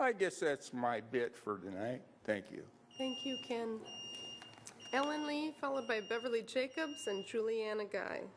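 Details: Adult speaker; normal speech.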